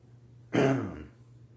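A single harsh throat clear that fades into a short low voiced tail in a quiet room.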